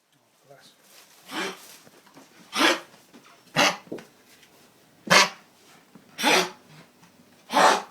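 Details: Repeated harsh, honking coughs with hacking breaths between from Harry, a Yorkshire Terrier with kennel cough.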